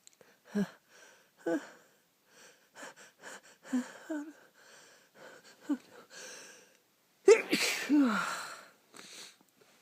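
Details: Sneezing during a lingering cold: several short nasal sniffs and catches build up to one loud, explosive sneeze.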